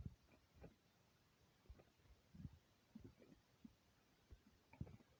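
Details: Empty stomach: soft, irregular, low gurgles and rumbles, about 25 in a minute, over a faint hiss. Borborygmi (stomach rumbling).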